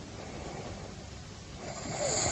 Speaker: 这个打呼噜声音如果一直是这样的话，并没有什么问题。